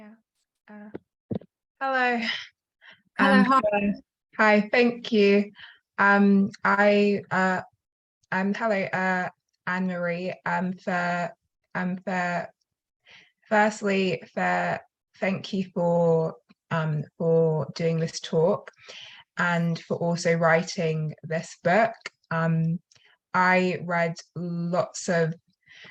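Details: Stuttering in a female attendee at a stammering charity event who says she has a stutter.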